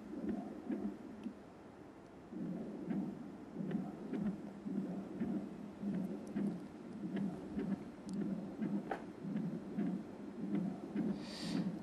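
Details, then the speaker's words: Pulsed-wave Doppler of pulmonary vein flow, sample volume placed in the vein guided by colour Doppler, parallel alignment, high PRF off, transthoracic echocardiography: low whooshing pulses about 51/min with faint clicks showing S, D and A waves (A wave sometimes hard to define); normal pulmonary vein flow. "so here you can see the s wave the d wave and the a wave which is sometimes really difficult to define"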